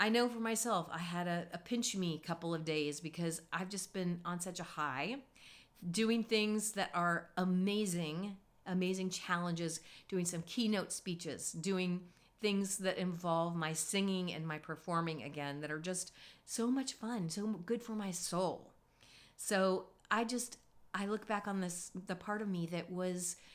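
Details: Adult woman speaking; ordinary speech.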